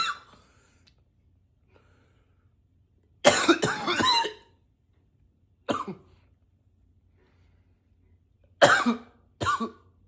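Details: Four bouts of acted, deliberate voluntary coughing in ten seconds, single and in short runs, some intentionally pitched with a deeper voice.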